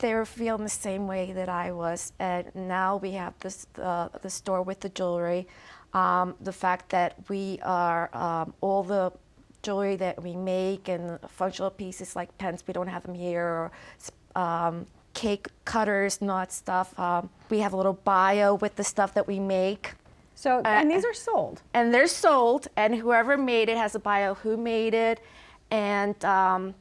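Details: Adult woman with chronic aphasia after a stroke, nonverbal at the time of the stroke and since improved; aphasia.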